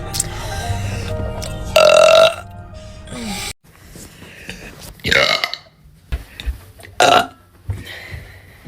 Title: burping